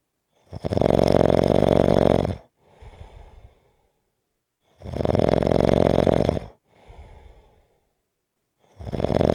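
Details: Snoring: loud, rattling snores on each in-breath, each followed by a softer out-breath, about 15 breaths a minute.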